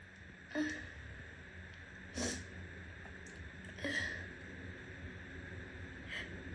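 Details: Repeated sneezing: four sudden explosive nasal bursts in about six seconds against quiet room noise; sneezes heavy enough to soak the shirt and hands.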